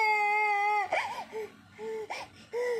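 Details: A young child cries, upset that father's picture got wet while father is away at work, with a sustained wail then shorter sobbing bursts in a quiet room, as an adult soothes the child toward sleep.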